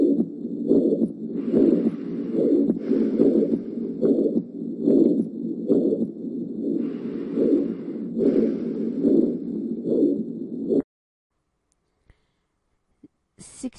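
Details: Teaching-quiz case, likely a 75-year-old with shortness of breath, dizziness and a collapsing pulse: regular heartbeat near 71 a minute with a soft blowing murmur, aortic regurgitation.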